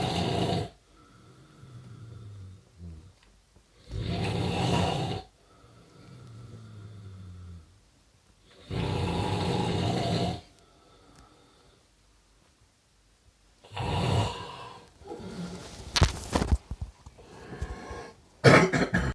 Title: snoring